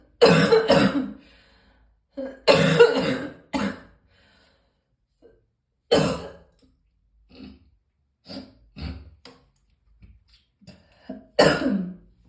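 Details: About ten morning coughs: loud double and single coughs early, then smaller throat-clearing coughs, with pauses between; cough.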